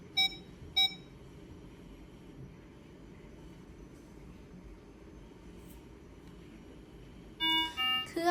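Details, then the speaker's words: MDK Med MI27 Plus infusion pump powered on by holding the power button: two short high beeps, quiet hum, then a rising chime sequence as it runs its power-on self-check. "จากนั้นเครื่องจะมีการเcheckingตัวเองนะคะ"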